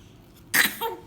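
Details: Mimicking mother's sneezes: one sudden, hissy burst trailing into a short voiced sound; a deliberately faked sneeze.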